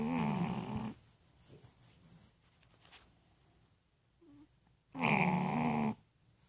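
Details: Sleeping male French bulldog: two loud, rough, droning breath sounds separated by a quiet pause with faint room noise; snoring.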